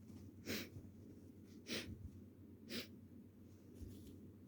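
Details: Possible cold: three sharp, breathy sneezes a second or so apart over quiet room noise.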